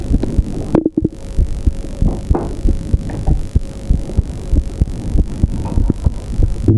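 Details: Muffled, uneven thumps, roughly 95 per minute, among clicks and a steady hum: the recorder's own heartbeat, which he describes as having interruptions and abnormal tones after pressure on his chest.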